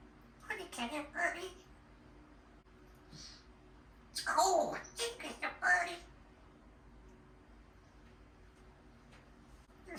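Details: Kenya, a female African grey talking parrot, does a fake sneeze: short bursts of sharp sneeze-like huffs and chirps imitating a sneeze, then says it's cold and the birdie is thinking; imitated sneeze.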